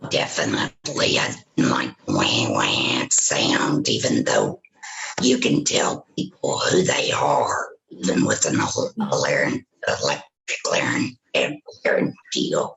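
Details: Woman with vocal cords removed by total laryngectomy for throat cancer, speaking with a tracheoesophageal puncture (TEP) voice prosthesis; tracheoesophageal speech.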